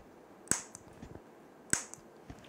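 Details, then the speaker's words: Magnetic stimulator demonstration on the operator himself over a peripheral nerve through clothing, making the fingers twitch. Two sharp, loud coil clicks about a second apart, each a single pulse. "see when I deliver the stimulus electromagnetic field goes through my clothes muscles rich spiritual nerve Norv get excited excitation wave goes through the nerve reach the muscle and muscle is constructed"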